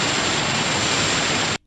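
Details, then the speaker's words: Simulated tinnitus played on radio: a steady, static-like hiss with a faint high whistle, presented as one of the sounds a person diagnosed with tinnitus hears. "If you want to know the sound of it, this is one of the sounds that you would get in your ear if you were diagnosed with tinnitus."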